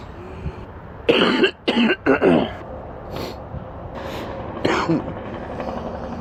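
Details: Sick man with an extremely stuffy nose gives three deep, loose coughs, then breaths and one more cough over low background rumble: a wet, productive cough.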